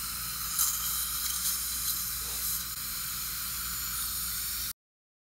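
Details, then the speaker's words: Dental implant surgery: slow-speed round bur marking the implant site, cooled by sterile saline from a bag; steady high hissing spray with faint drilling; dental implant drill with saline irrigation. "s a saline bag so the water is sterile it's not coming out of our regular machines that we have so we want to keep the area as sterile and clean as possible"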